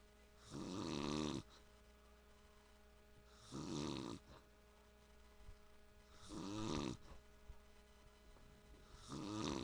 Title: dad snoring